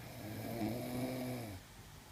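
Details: A single loud, rattling inward snore lasting over a second, then quiet breathing, from a sleeping male; ordinary snoring.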